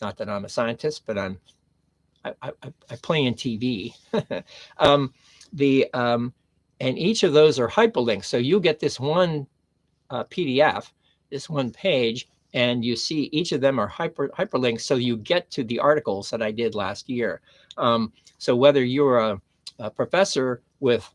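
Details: Adult man with aphasia since his first stroke on September 26, 2011, about 13 years post-stroke after long-term recovery; mild chronic aphasia.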